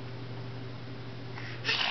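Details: Low room hum, then one short, sharp hissing burst: a pretend sneeze by a child who learned it from the family Chihuahua's sneezes.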